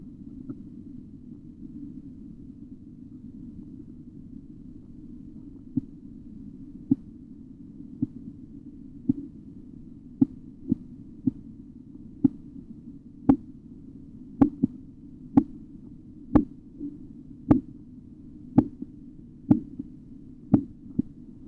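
Steady low rushing noise, then faint regular taps that grow louder, Korotkoff sounds during blood pressure measurement.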